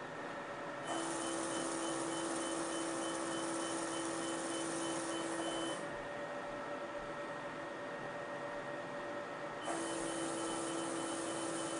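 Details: Fractional CO2 laser treating moderate facial sun damage (heliodermia) on upper lip of a 67-year-old non-smoking woman: steady machine hum and hiss with a high tone switching on and off in bursts.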